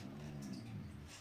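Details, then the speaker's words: A dog snoring in the background while it sleeps: snoring. "Non, c'est ma chienne que vous entendez, à ronfle."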